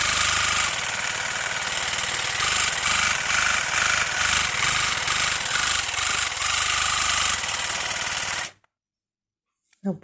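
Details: Oral irrigator (water flosser) filled only with water, running; steady buzzing, pulsing spray for about eight seconds, then stops abruptly.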